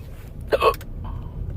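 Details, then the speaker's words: A single abrupt, sharp hiccup with a brief voiced catch over low background rumble; hiccups that came out of nowhere. "I love the hiccups that come come out of nowhere. Those are fun."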